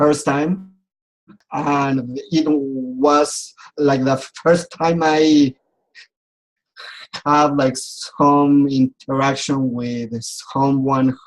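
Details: Adult man who has stuttered since age 4 and still clearly stutters; speech therapy and support groups helped him; stuttering.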